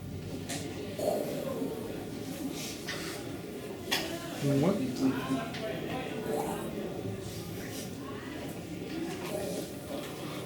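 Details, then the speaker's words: Vocal imitation of normal bowel sounds heard by stethoscope on the abdomen, intestine contracting about 12 times a minute: brief bubbling gurgles over room hum; normal intestinal activity. "Esos son los ruidos hidroaéreos que nosotros escuchamos, ¿verdad? Eso es normal. Si ponemos el estetoscopio en el abdomen, ¿cómo se escucha?"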